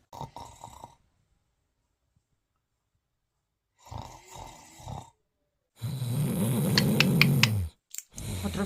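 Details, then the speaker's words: Acted comedy sketch of a husband snoring at night keeping his wife awake: loud, rattling snore on a breath in, with short rhythmic bursts before it; simulated snoring. "desde la una de la mañana sin dormir y el ahí roncando no me importa lo importante es que el descanse que para eso es el hombre de la familia"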